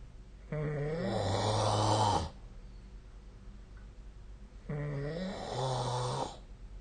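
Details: Sleeping adult snoring, recorded with the SnoreLab snore-tracking app: two loud, low rattling snores on breathing in, separated by a quiet pause. Snoring.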